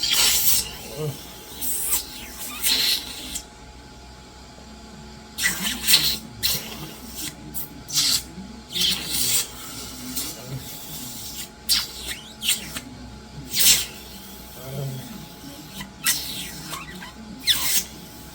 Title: cough assist and suction (May 12, 2024)